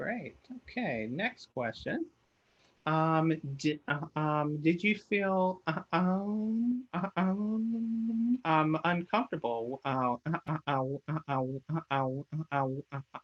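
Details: Stuttering in an adult man, a person who stutters, with frequent repeated words and filler interjections.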